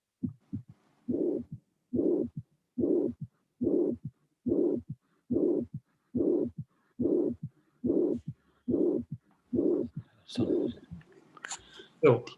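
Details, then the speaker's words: Teaching recording for an auscultation course: regular heartbeat near 71 a minute, each beat stretched into a blowing systolic murmur, brief noise near the end; mitral regurgitation murmur. "this is a MIT gation and was correctly identified as you can see"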